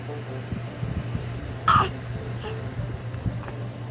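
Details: Infant during tummy time: a single sharp, brief catch over steady low room hum with faint softer sounds around it; hiccup.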